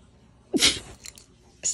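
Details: A single short, sharp burst of air with a hissing release, then a brief snort: a sneeze.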